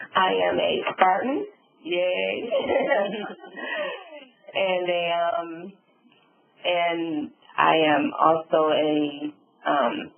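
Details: Adult woman, stroke survivor, with aphasia and apraxia of speech after a subarachnoid hemorrhage and stroke, with word-finding difficulty.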